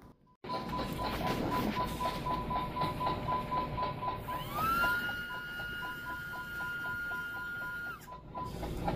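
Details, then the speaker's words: Guinea pig's heartbeat made audible by a heart monitor during a tooth trim procedure at a veterinary clinic: rapid, steady electronic beeps tracking a fast heartbeat. "beating sound that we're hearing is actually Bengal's heartbeat. They hooked it up to some kind of an instrument that can detect the heart and actually makes it audible during this procedure."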